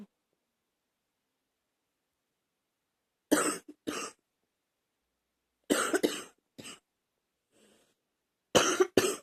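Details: Coughing: several separate clusters of short, harsh coughs, about eight bursts in all, with silence between clusters.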